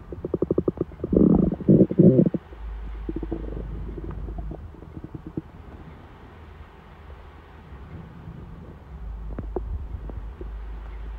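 Gurgling, bubbling rumbles early on, then quieter intermittent gurgles over low background hum; ordinary hunger rumbling of the gut.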